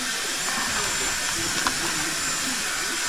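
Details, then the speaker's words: Steady, even hiss of pressurized air from a CPAP machine with preset pressure, rented for a husband whose sleep study showed oxygen saturation below 80%, with faint room sounds; CPAP airflow. "연결해 주면 그리고 압력이 이미 세팅이 되어 있어서 이거 전원 버튼만 누르면 그냥 바로 나오는 거야 바람 나오는"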